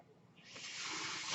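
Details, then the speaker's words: The speaker's own mechanical ventilator heard during speech: a soft hiss swelling into a steady rush of air as a breath is delivered. "Hello, everyone. That noise you're hearing is my ventilator."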